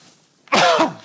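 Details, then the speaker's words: Adult podcast host coughs on air during a recorded episode, warning listeners beforehand that there is no cough button and they will hear it. "me we don't have a cough button folks we don't have that kind of budget are you kidding me anyway so I'm just going to just going to have to cough you guys you guys going hear it and just deal with it all right deal with it"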